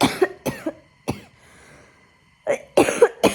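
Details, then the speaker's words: Woman with a recent infection who has lost her voice and has been coughing heavily, now on medicine; a cough is heard. "इस वजह से मैं थोड़ा regular नहीं थी पढ़ने में अभी और मेरी आवाज भी नहीं निकल रही। बहुत ज्यादा खांसी हो रही थी मुझे।"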